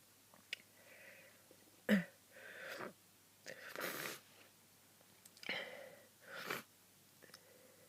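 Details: Person sick with a cold, sneezing over a hundred times that day: several quiet, breathy stifled sneezes ("hup") with short intakes between them; repeated sneezing.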